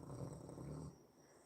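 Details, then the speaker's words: Dog Sadie sleeping on the floor: a single low, rumbling snore lasting under a second; owner says she snores very loud, sleeps heavily and suspects she needs a sleep apnea test; snoring. "Can you hear Sadie snoring? I don't know how loud it is, but she's down here on the floor snoring."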